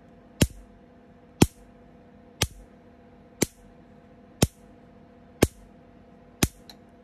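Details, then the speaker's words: Picosecond laser (Picotech Pico Gold machine) being test-fired: sharp snapping clicks, one each second, seven in all, over a faint steady hum; repeated laser pulses. "Mình đang test máy laser Pico đấy."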